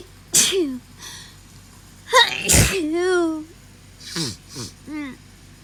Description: Hayfever sneezes from this week (allergies have been so bad!)